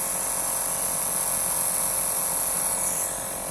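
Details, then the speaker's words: Medtech Handyneb Nebulizer Smart home nebulizer compressor running, described as very quiet: steady low hum with a high hiss. "और यह machine है, इसकी आवाज बहुत धीमी है। . आप सुनिए।"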